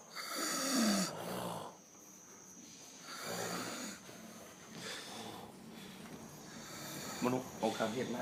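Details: Apparently several people snoring in a small room, described as a snoring war: loud, rough, rattling snores in irregular, overlapping bursts.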